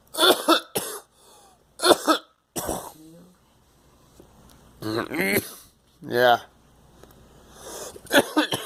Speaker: Swallowed the coffee wrong.